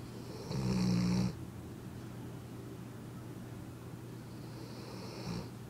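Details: Low, buzzing rattling snore on a breath, a shorter one a few seconds later, from a sleeping dog; snoring.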